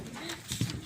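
A single hollow, low tap from percussion over the lung, a resonant note typical of normal air-filled lung.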